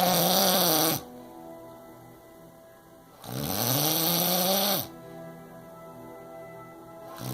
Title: Most annoying snore ever